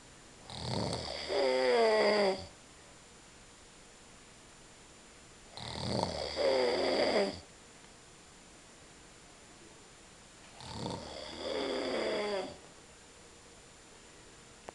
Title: dad snoring like a mad rhino